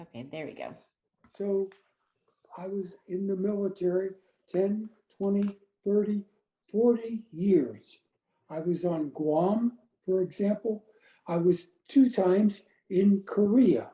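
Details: Aphasia after a stroke about three and a half years earlier in an adult man.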